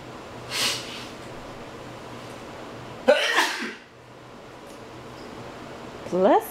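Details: A dog named Frank, playing with his frisbee, is startled by two sharp sneezes a few seconds apart in a quiet room, followed by a brief voice; sneezing.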